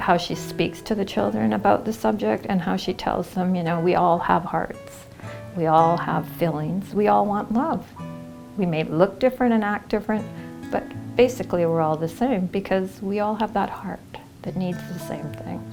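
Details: Adult woman speaking; normal speech.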